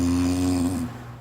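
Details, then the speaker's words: Snoring: a loud, steady, buzzing snore on one inhalation, fading in under a second. "Snoring can be a symptom of sleep apnea when the throat becomes blocked during slumber, interrupting breathing, sleep and causing other problems such as high blood pressure."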